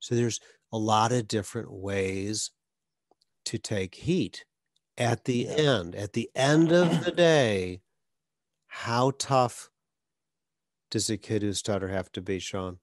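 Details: Adult male speaker; no speech disorder.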